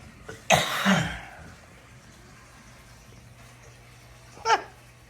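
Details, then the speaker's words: Adult's harsh cough burst with a trailing rough sound, then a second short cough after a pause, from a lingering cough that will not go away; cough. "I'm still coughing like a this is terrible I know it"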